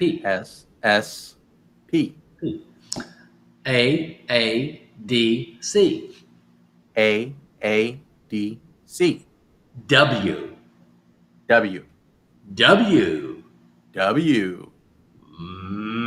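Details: Adult man; aphasia.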